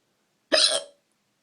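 A single sharp, abrupt voiced gulp with a quick onset and fading tail, typical of a hiccup.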